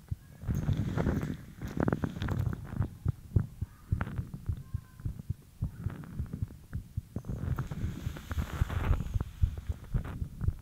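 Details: Fast heartbeat after light exercise: quick, dull, low thumping under a muffled rumble.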